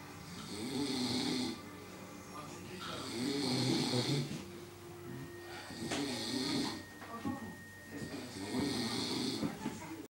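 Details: Loud, rough snores repeating about 23 times a minute, with music and faint talk in the background: snoring.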